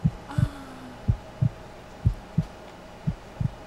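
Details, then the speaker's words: Soft low thumps, often in pairs, over a whooshing hum: a baby's heartbeat heard during a pregnancy ultrasound exam in a television drama scene; development described as normal. "Bu ne? Bebeğin kalp atışları."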